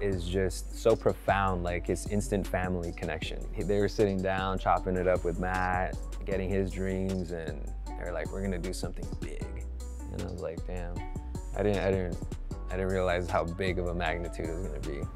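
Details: Adult male speaker; normal speech.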